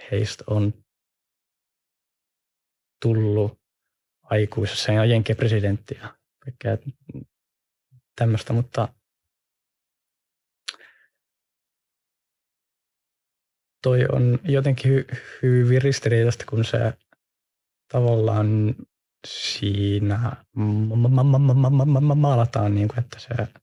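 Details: Stuttering in a podcast co-host who stutters.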